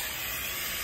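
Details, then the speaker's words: Oxygen running wide open at flush rate into an improvised CPAP setup with PEEP valve, bag filling: steady loud hiss of high-flow oxygen. "so flush rate you just crank it all the way open so what you'll see is you'll see that the bag will fill up"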